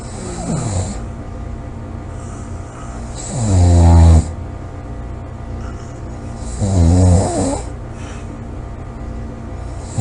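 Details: Loud snoring recorded July 26, 2017: low, rattling snores on inhaled breaths, roughly three in ten seconds, over steady room noise.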